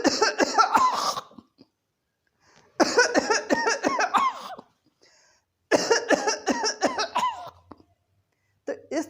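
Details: Adult doctor imitating the cough of children that ends in vomiting: runs of rapid, harsh coughs in repeated bouts, with brief relief after phlegm is brought up. Simulated.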